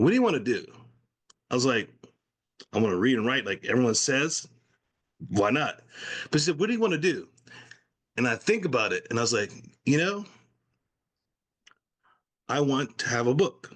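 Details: Adult man, stroke survivor with post-stroke aphasia, now in recovery, speaking spontaneously in conversation; aphasia.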